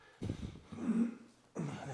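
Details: A male chiropractic patient with bilateral shoulder pain, during manual therapy with arm-pulling exercises: low, rough throat clearing in two or three short bursts, quiet room.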